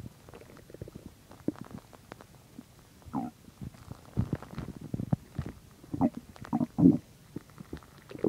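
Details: Stomach growling while digesting chicken and milk: ordinary bowel sounds.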